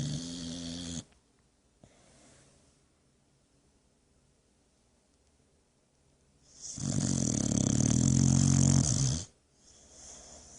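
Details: Snoring in Cruz, a boxer dog, sleeping after a busy day at the park; loud, rough snores on each breath with quiet pauses between.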